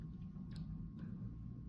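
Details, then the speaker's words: Low, rumbling gurgle from an adult's abdomen during an extended water fast while she talks about hunger hormones; normal stomach growling (borborygmi). "so you can hear that on YouTube my stomach just growled because I'm talking about it"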